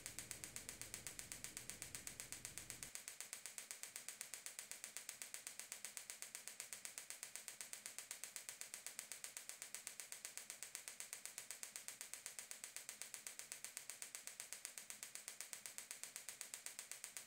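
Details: Extracorporeal shockwave therapy with a Gymna Shockmaster 300, 15 mm focused head, 3 bar, 8 Hz, 2000 shocks, with ultrasound gel on the proximal plantar fascia origin at the heel for plantar fasciitis / bony heel spur: steady, rapid, evenly spaced sharp clicks as the device fires.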